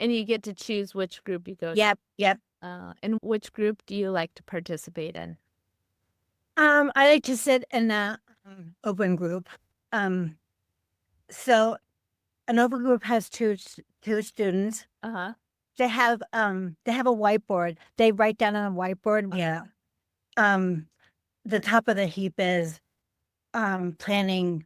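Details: Adult woman with aphasia after a stroke on Thanksgiving Day 2012, 13 years earlier, affecting word-finding and making speaking harder.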